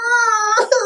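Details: Young child crying while sick with a cough and cold and being given children's multi-symptom cold medicine.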